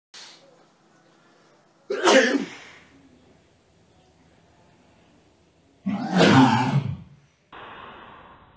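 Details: A real, unimpeded sneeze caught during slow, soft tai chi form practice, about 3 seconds after it was felt coming.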